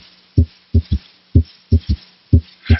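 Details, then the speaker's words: Demonstration of an audible third heart sound (S3): low heart sounds with a soft extra thud just after S2, making a three-beat gallop. "If the patient had an audible S3, it would sound like this."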